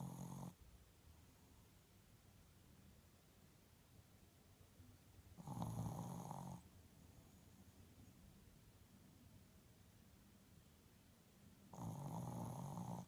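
Soft snores about every six seconds, separated by quiet room hiss; gentle snoring.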